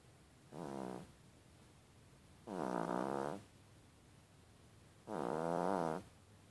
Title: Yorkie snores for mom. I love my JD!